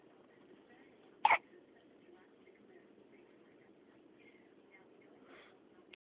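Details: Single hiccup: one short, abrupt throaty catch against quiet room noise.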